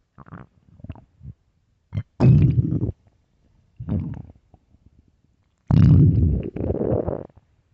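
Several low gurgling rumbles of varying length, separated by quiet pauses: stomach growling, an ordinary bowel sound that can occur with hunger.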